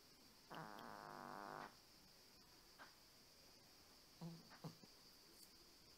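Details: One drawn-out buzzing snore then a few short snorting breaths from a sleeping cat; light room hum behind.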